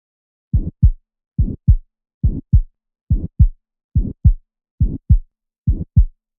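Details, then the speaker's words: Regular heart sounds about 70 a minute with an ejection click and harsh crescendo-decrescendo systolic murmur ending at S2: aortic stenosis. "so you hear the murmur start soft after that ejection click and then it peaks in intensity then it de crescendos or gets softer and it ends at S2 when the valve closed"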